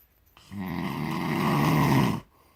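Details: One long, loud, rough rattling snoring breath during sleep, loud enough to be heard from the living room; snoring, recorded 10/9/18.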